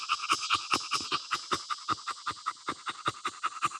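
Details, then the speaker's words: One-year-old English Bulldog stud during BOAS breathing testing, about minute 18 of intense exercise at 85 °F: rapid, even panting, hot but clean with no catch or snoring noise; normal post-exercise panting. "He's hot, but he's still breathing. So what you look for is really that catch. If you listen to him, it's clean. There's not a catch."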